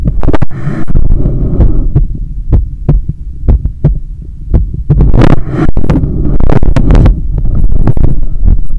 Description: Sound of my heart beating when I wake up